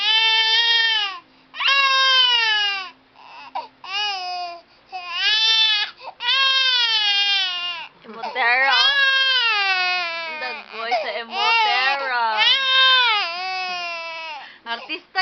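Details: 10-month-old infant crying: repeated rising-and-falling wails with short breaths between bursts, over soft background music.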